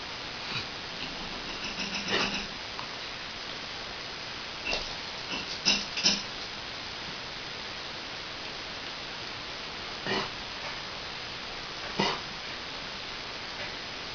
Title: Cough